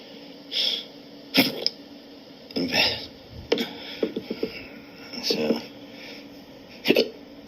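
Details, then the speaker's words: Adult with persistent intractable hiccups since 2015, recorded April 2019 after hours of an ongoing bout: repeated sharp, abrupt hiccups with a catch in the throat, about every three seconds, 20 per minute. "every 3 seconds, 20 hiccups per minute. 1,200 per hour of these and they're starting to get in my head."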